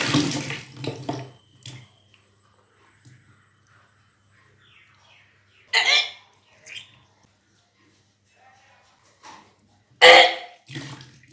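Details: Kunjal kriya, a yogic cleansing practice of deliberately vomiting swallowed water: bursts of retching with water gushing out, separated by quiet gaps.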